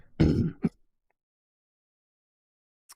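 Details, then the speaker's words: Adult man after using a nasal rinse (neti pot), describing his own phlegmy cough: a single rough, phlegmy throat-clearing wet cough with a short second burst, then silence. "I I meant to mute the mic so you guys didn't hear that, but oh well. You heard my Flemy cough."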